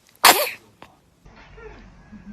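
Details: Baby sneezing: a single sharp, high-pitched burst of air followed by quiet room sounds, an ordinary infant sneeze.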